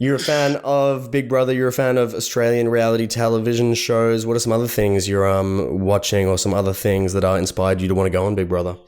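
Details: Adult male interviewer; ordinary speech.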